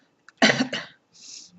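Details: Adult sick with bronchitis for three weeks, first day feeling better; one harsh, rough cough burst with a short second push.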